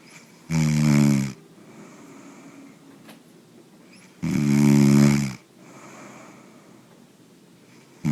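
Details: Man sleeping: two loud, rough, rumbling snores on the in-breath about four seconds apart, with quiet breathing between; ordinary snoring.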